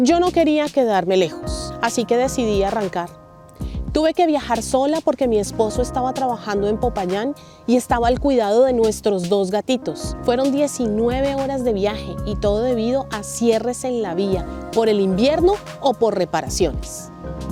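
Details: Adult woman narrator; typical speech.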